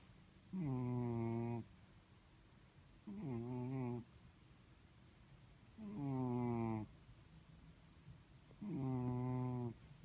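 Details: Sleeping blue-grey Chartreux cat: four regular tonal snores at about 22 a minute, each a steady buzzing tone lasting around a second; snoring.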